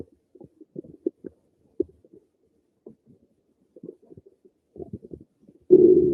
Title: Some more of my stomach noises